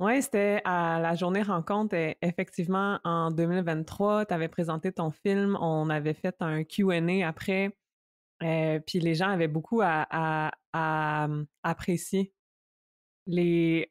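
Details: Stuttering in a French-speaking adult woman who stutters.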